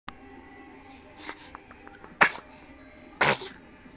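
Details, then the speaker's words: Baby sneezing twice in a row, each a sharp burst of air, a normal reflex. "oh, and a sneezing baby."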